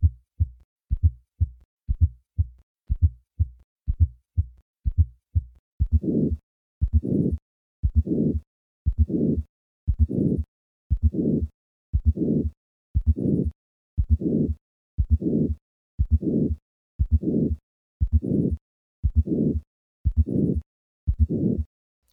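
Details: Simulated hypertrophic cardiomyopathy murmur recorded at the fourth left intercostal space, about 60 beats a minute: a loud, high-pitched crescendo-decrescendo midsystolic murmur that swells in partway through, heard best at the left lower sternal border.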